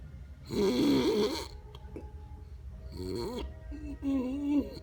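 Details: Exaggerated, wavering, droning comic snoring from a film or TV scene, with faint music in the background: snoring.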